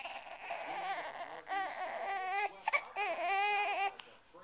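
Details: 13-day-old baby boy: high-pitched wavering crying with sobbing breaks and faint talk in background; ordinary infant cry.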